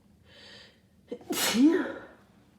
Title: Rapid sneezing from my cold (and nose blows)